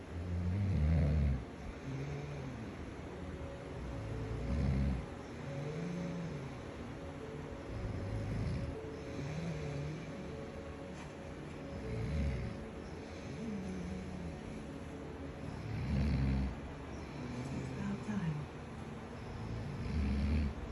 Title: I don’t snore